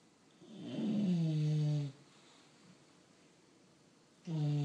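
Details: Bulldog snoring while asleep: loud, low, droning snores on the in-breaths with quiet pauses between, typical of a flat-faced dog.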